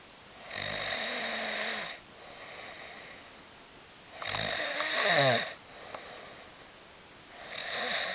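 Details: Loud, rasping snores about every three and a half seconds, roughly 17 a minute, with quieter breaths between, recorded at Joshua Tree; seismic snoring.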